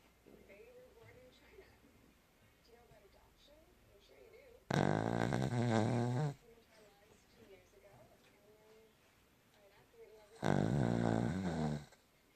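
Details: Two loud, buzzing snores about six seconds apart over quiet room sound from a sleeping pet; snoring.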